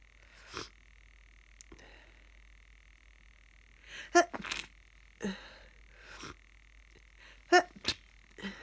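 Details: Repeated short snuffling sniffs and a few sharp sneezes over a steady hum from a person with a cold who was very snotty; congested, bunged-up nose, sneezing.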